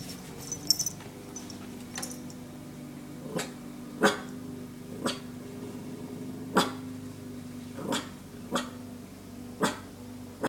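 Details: Dog giving about seven short, sharp huffing coughs a second or so apart over room hum, described as little threatening coughs to scare away an intruder.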